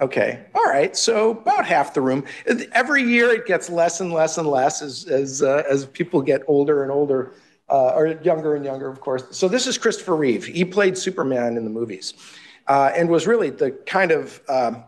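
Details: Adult man lecturing; ordinary speech.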